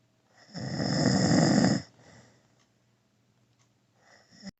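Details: A man, the recorder's father, snoring in sleep: a loud, rough snore on the in-breath, then quiet breathing before the next one begins.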